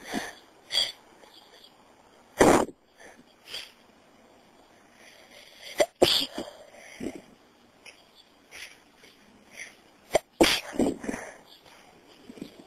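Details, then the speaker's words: Self-induced sneezes, possibly with a starting cold, recorded on a phone: several sharp explosive bursts with short breathy lead-ins and sniffs between them. "okay um I've been a little bit sney today I really don't know what's going on um so I'm going to try ining and see if I can get anything okay"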